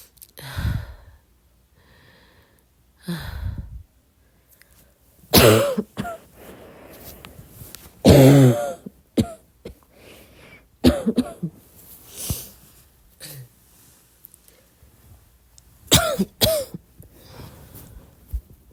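About eight soft, short coughs with some throat clearing, spaced irregularly in a quiet room.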